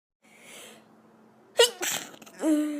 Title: Sneeze Compilation 2017